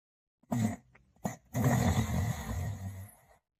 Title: The Male Borzoi Dog Sleeping & Snoring